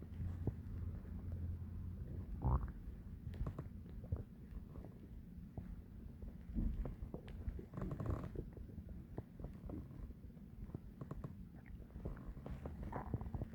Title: Loud digestion stomach growling